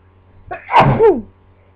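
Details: A single sneeze muffled into a pillow, with a short intake and a brief voiced trail, from a person who had just woken from a nap and hopes it isn't another cold; sneeze.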